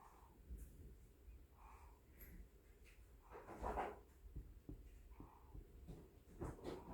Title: Snoring baby